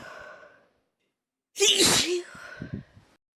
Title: some sneezes ✨